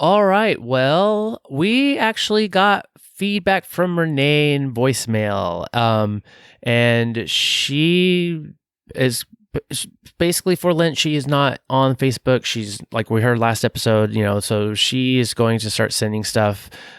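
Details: Adult male speaker; normal voice.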